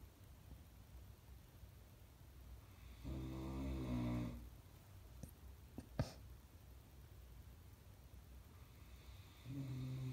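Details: Caucasian Shepherd dog (Caucasian Ovcharka) snoring while asleep: deep, rumbling inhalation noise separated by quiet pauses.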